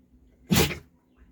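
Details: Dog sneezing: a single short, sharp burst of air from the nose in a quiet room.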